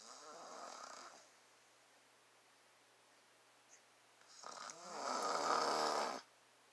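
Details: Father snoring, recorded up close to his face: two long, rough, rattling snores with a quiet pause between them, in a quiet room.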